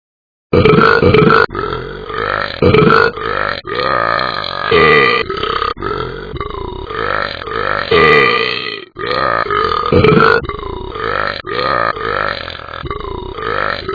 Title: Talking Ben burping to twinkle twinkle little star